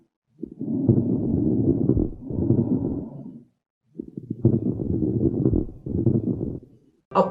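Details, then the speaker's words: Teaching example of lung auscultation: coarse crackling over two breaths, described as crackles from fluid backing up into the lungs when the heart fails to pump; coarse crackles are said to suggest failure. "Back मार के फेफड़ों में पानी स्वरूप भरेगा तो वो जो क्रैकल्स होते हैं हम उसको बोलते हैं फटा के फूटना वो क्रैकल्स हमें इससे पता चलता"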